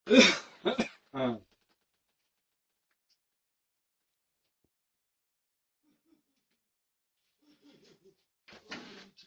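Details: An adult man gives three sharp, explosive coughs in quick succession, then near silence with faint room sounds; a bout of coughing.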